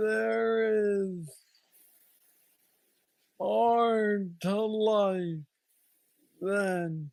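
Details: Man diagnosed with Parkinson's disease at age 35, about nine years earlier, with what he calls the most aggressive form, plus mobility struggles; treated with a brain stimulator implant. Hypokinetic dysarthria.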